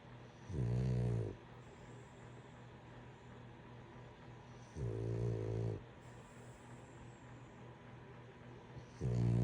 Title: He bout to get kicked dead ☠️in his ass #reels #snoring #laugh